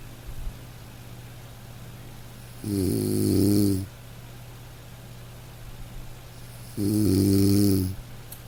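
Two loud, rough, vibrating snores on breathing in, about four seconds apart, with a steady low hum in the room.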